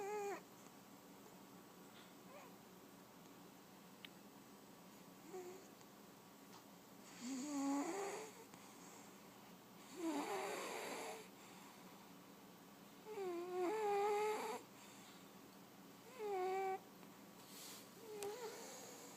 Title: My snoring fat cat / Mon gros chat ronfleur